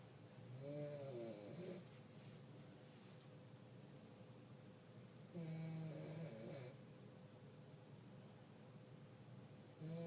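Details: Elderly woman (grandma) snoring in sleep: low, rattling, tonal snores, about two in ten seconds, with quiet room noise between; snoring.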